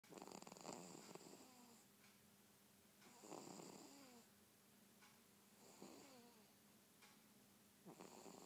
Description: Daddy's girl snoring like a freight train